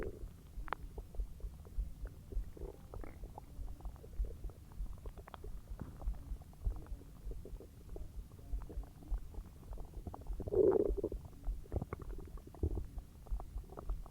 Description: The aftermath of my huge meal as it digests in my tummy